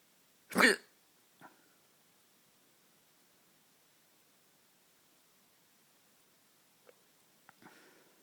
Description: Late night hiccups